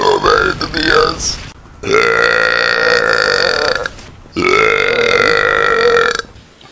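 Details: Gamer's deliberate burping: two long, loud, voiced belches of about two seconds each, with a brief vocal sound before them.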